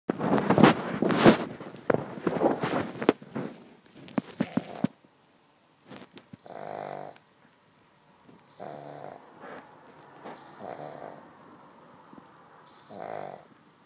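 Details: Handling and rustling noise, then soft intermittent rumbling breath sounds; light snoring during sleep.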